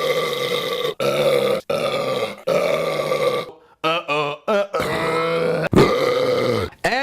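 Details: Adult male burp compilation: a series of long, loud, voiced belches with a few short ones between, in a small room.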